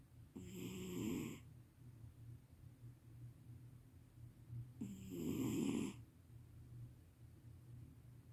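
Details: Sleeping cat snoring loudly: two loud rattling snores about four seconds apart with quiet breathing between.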